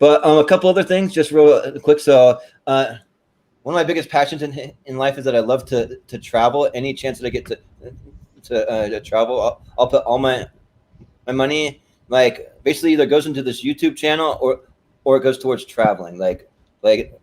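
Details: Male podcast host with a stutter present since birth that he says is heard intermittently and occurs when he talks fast; stuttering.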